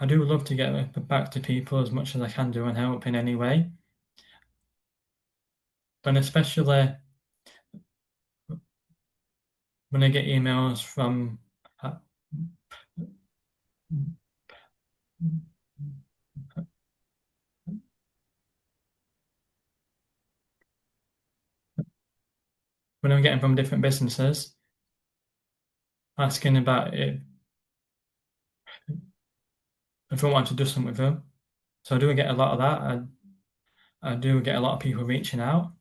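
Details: Adult man with a stammer, described as a neurological condition felt as blocks stopping words, occurring on any word, with silences while blocked; stammering (stuttering).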